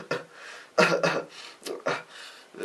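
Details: An adult woman demonstrates how to cough quietly, giving a series of about six short, soft, muffled coughs in a small room.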